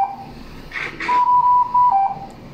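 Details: Ventilator alarm: repeated loud electronic beeps from a Dräger Infinity C500 ventilator in a small room, with brief rustling between tones, during a basic operating demonstration.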